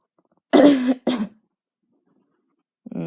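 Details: Two quick voiced coughs in close succession, then silence and the start of a voice; a woman's cough said to be brought on by the heat. Cough.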